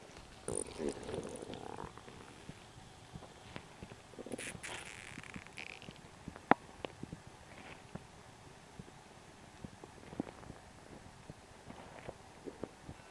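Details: Morning bowel sounds from a gurgly stomach, recorded several mornings and edited together: gurgling, bubbling noises with short squeaks and pops.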